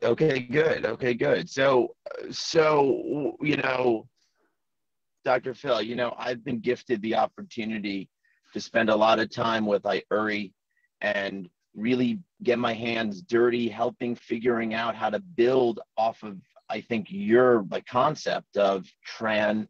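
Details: Man in his 40s who has stuttered since childhood, in natural conversation: stuttering.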